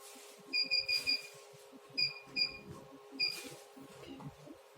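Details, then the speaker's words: New handheld pico laser, 1320 nm tip, fired at low energy ("not that strong"): bursts of short high-pitched electronic beeps with soft snapping pops over light background music. "this is low energy so the power is not that strong"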